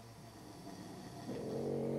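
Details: Man asleep on a couch snoring together with his dog: low, rough rumbling breath noise that builds toward the end; snoring.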